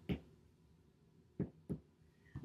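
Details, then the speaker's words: Four short, low, hollow thuds from tapping a reflex hammer on a hand rested on the patient's posterior chest in a respiratory exam demonstration, expected to sound similar on both sides: normal resonant percussion note. "Using that reflex hammer, I'm going to tap. Should sound similar on both sides."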